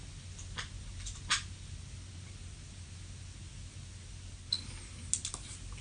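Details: Sleep bruxism recorded overnight in bed at home: scattered brief scraping clicks, clunking and gnashing teeth-grinding sounds over low room hum; some cracking is the bed creaking, not teeth.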